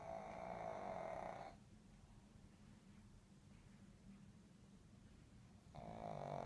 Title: Who ever said snoring is a deal breaker...